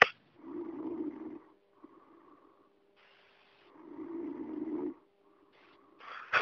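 Two long, low rattling breath sounds a few seconds apart over a steady faint hum; snoring.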